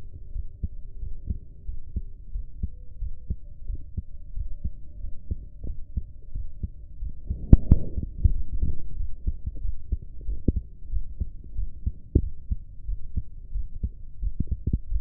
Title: My heartbeat #4